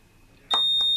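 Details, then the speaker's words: Steady high-pitched electronic tone that starts abruptly and keeps sounding until silenced: the shutdown alarm of an HT70 Plus transport ventilator. "After a small amount of time, the alarm will start beeping at you again unless you silence it again."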